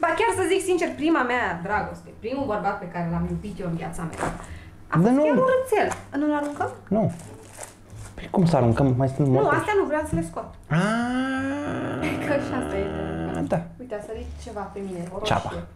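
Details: Adult speaker; ordinary speech.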